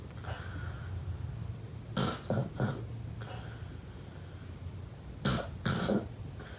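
Two clusters of short, rough, snorting bursts about three seconds apart over a low room hum, fitting snoring on successive breaths.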